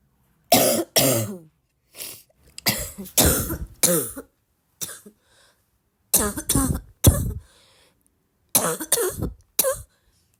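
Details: Repeated harsh, hoarse coughs in short clusters from a girl, a barking cough.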